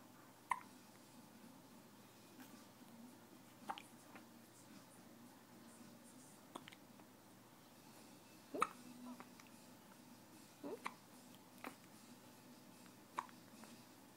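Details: About seven short, sharp hiccup clicks every two to three seconds in a quiet room with faint background talk; hiccups.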